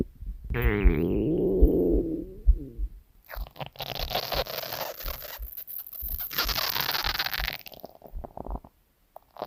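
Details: Woman's stomach growling recorded while sleeping: drawn-out tonal gurgle followed by rumbling and bubbling abdominal noises; ordinary borborygmi.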